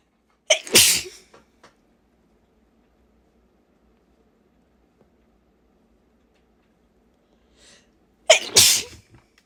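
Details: Old recording, possibly made while sick: two loud, forceful sneezes several seconds apart, each with a short intake and a congested, stuffy quality, in a quiet room.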